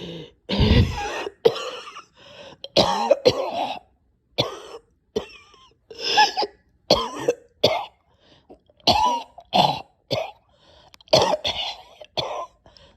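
Repeated harsh coughs in close bursts with gasping and throat clearing between them: a severe coughing fit with choking.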